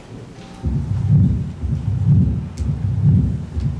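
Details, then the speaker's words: 63-year-old Nepali villager with increasing, debilitating shortness of breath, auscultated at the apex; clean systole, then a long, low diastolic rumble preceded by an opening snap, about 62 a minute; mitral stenosis, attributed to rheumatic fever. "now Sy is clean there is this long Rumble in diast preceded by this extra sound which is the mro B snapping open"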